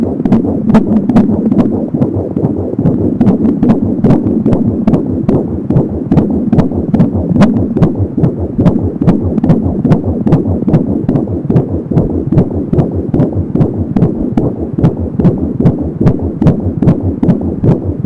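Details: Fetal heartbeat at 21 weeks of pregnancy on an Angel Sound home fetal Doppler: rapid and regular at about 170 beats a minute, with a whooshing umbilical cord sound.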